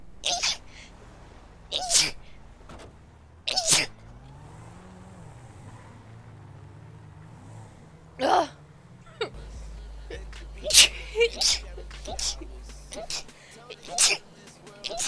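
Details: A run of about four sharp, hissing bursts with smaller breaths between, from someone who can't stop sneezing for two minutes straight; repeated sneezing.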